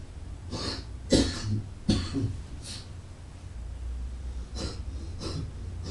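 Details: Several short, harsh cough and throat-clearing bursts from an adult man in a quiet indoor room, linked to alcohol and cigarettes.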